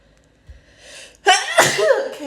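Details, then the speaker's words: A soft intake of breath, then one forceful sneeze with a voiced tail, set off by a self-administered COVID-19 nasal swab test. "oh i've only sneezed about 20 more times"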